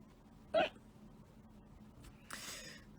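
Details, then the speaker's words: A single abrupt, sharp vocal jolt against quiet room noise: a hiccup from a person on a livestream with hiccups they can't get rid of. "I mean, a little bit, but anyway, you guys are gonna have to deal with the hiccups. I can't get rid of them. They'll go away eventually, though."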